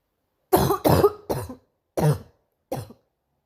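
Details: Girl coughing: five forceful, harsh, chesty coughs, the first three in a quick run and two spaced after.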